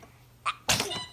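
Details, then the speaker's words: Baby girl gives a quick intake then one sharp, honk-like sneeze; a normal sneeze. "Oh. She sneezes this honk like a 16-year-old."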